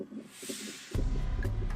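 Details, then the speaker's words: Fetal heartbeat on an electronic monitor during labor: fast, muffled whooshing pulses; the baby's baseline heart rate is 150 and is watched for declines with contractions and pushing. "In Rose Zenteno's room, an electronic monitor reveals the beating of her baby's telltale heart."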